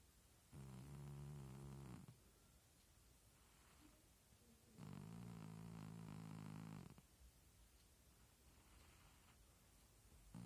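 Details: Cat snoring, with the sounds likened to farts.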